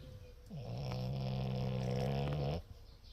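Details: Dog snoring: a single sustained, low, rattling snore lasting about two seconds; snoring.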